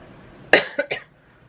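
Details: A short cluster of three coughs, a sharp first burst followed by two quicker ones, in a quiet room during a knitting podcast; cough.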